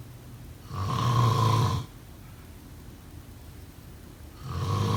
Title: Snoring sound …